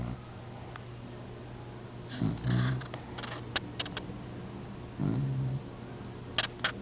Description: my poor fat dog is loudly snoring on the couch before i wake him up with a camera in his face :) so cute